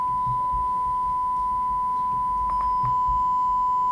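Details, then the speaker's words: A steady, pure beep from an audiometer: a pure-tone test tone in air-conduction hearing testing through headphones, starting at 250 Hz, with the patient raising a hand when the tone is heard. "le pone los auriculares y vuelve y repite, empieza en 250 y le pide al paciente que levante la mano."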